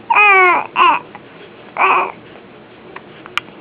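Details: Infant with hiccups in the morning complains: three short, high-pitched fussy cries, then quiet.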